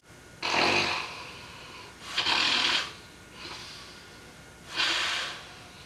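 Three loud, hissing, noisy breaths over about six seconds, with a fainter one between, in a quiet room: heavy snoring.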